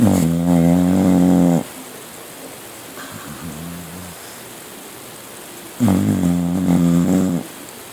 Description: Every night this is what we listen to.. Sometimes he is on the couch but most nights he is in our bed...